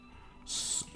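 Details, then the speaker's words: A single sharp, hissing snort of air, about a third of a second, from an adult man clearing a blocked nose while hacking, over faint background game music. "snorting hacking coughing neighbors probably hear that like God it's old man in the Next Room hacking and coughing"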